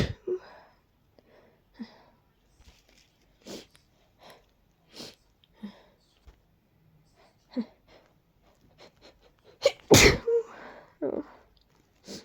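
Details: A sneezing fit from a mix of allergies and a cold, with deep tickles and a stuck sneeze; repeated sneezes, sharp sniffs and catches in quick succession, building to a loud full sneeze.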